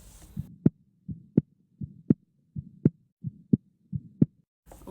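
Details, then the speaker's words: Regular heartbeat near 83 a minute, each beat ending in a sharp, crisp metallic-sounding click after mitral valve replacement: prosthetic mitral valve sounds. "صوت تغيير الصمامات"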